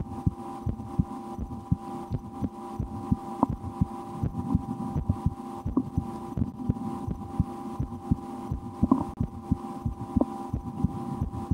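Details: Adult's own heartbeat through a stethoscope in an ASMR recording, with breath-holding and a game to speed the rate, and loud digestion after lunch; steady regular thumps roughly 90–100/min over a faint hum; normal heart sounds.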